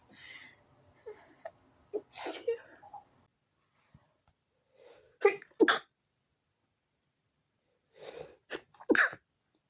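Repeated sharp sneezes in quick clusters with short inhalations between, an uncontrollable sneezing fit.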